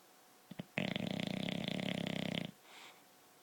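A single long, rattling snore of about two seconds, with fast fluttering vibration through it, from a sleeping dog.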